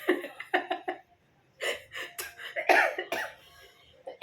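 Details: Woman with a hoarse, strained throat and a feeling of heat since afternoon: a run of short coughs, a pause, then another burst of rough, throaty coughing in a small room; a dry cough.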